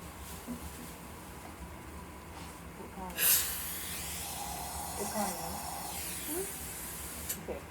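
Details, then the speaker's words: Sudden spray hiss, then steady slurping suction, during the final full-mouth rinse with a dental air-water syringe after an MO amalgam filling on tooth #15; quiet room noise. "to do a full mouth rinse. >> But it it is my last rinse."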